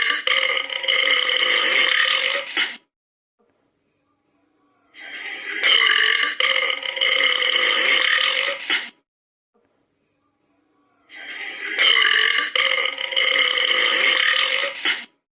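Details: Three long, drawn-out belches of about three seconds each, separated by short pauses; repeated burping.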